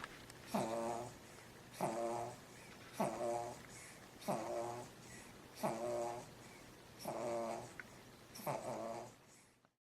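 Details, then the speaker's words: Squeaky, tonal, regular snoring at about 45 breaths a minute from a baby, snoring early in the morning reportedly because she's not fully developed and doesn't breathe easily; likened to grandpa's snoring. "It's really early in the morning, and is snoring because she's not fully developed yet, so she doesn't breathe really easy. She sounds like Grandpa."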